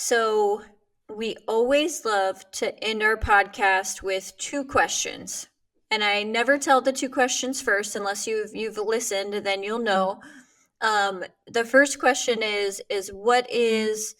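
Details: Adult woman speaking; normal speech.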